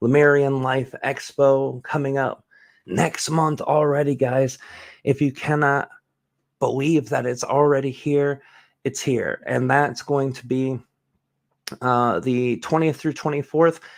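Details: Adult speaker; typical speech.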